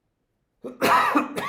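A brief single adult cough with a throaty, voiced quality, like a quick throat clear.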